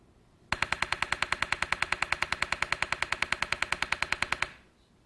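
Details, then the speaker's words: TMS treatment pulse train for depression: rapid, very regular sharp clicking pulses lasting about four seconds; patient feels it as tapping on the head, no pain. "oh no I feel um when it hits it's like just a tapping on your head okay it goes here we go"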